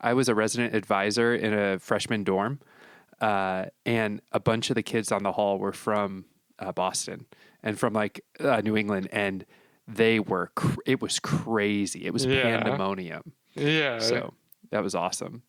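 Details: Adult man speaking; normal speech.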